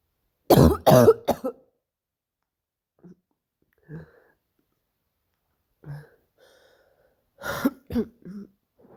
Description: this cough hurts